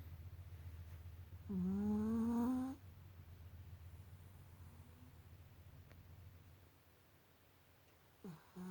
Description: Our passed out puppy after a long day of swimming.